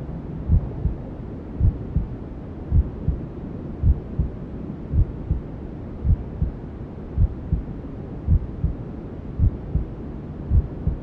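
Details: Simulated ASMR womb sound for settling newborns: steady, muffled low thumps at about 54 a minute, a mother's heartbeat as heard in the womb, over a constant white-noise hiss.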